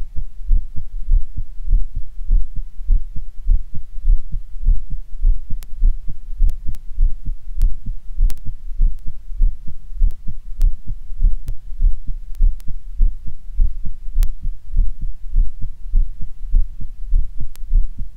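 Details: Normal heart sounds, stereo recording via two stethoscope heads with microphones, mitral area on right channel and Erb's point on left: regular low thumping heartbeat, roughly 100 a minute, faint background hum.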